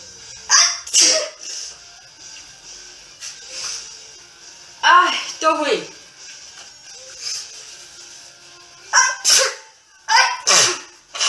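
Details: Adult woman sneezing from apparent allergies: several sharp, explosive sneeze-like bursts in quick pairs, separated by softer sounds, with faint background music; sneezing.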